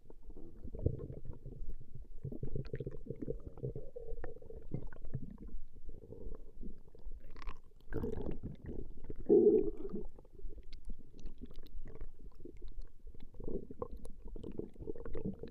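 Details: Recorded stomach growling: continuous low gurgling and rumbling with a few louder squelching surges, ordinary harmless bowel sounds (borborygmi).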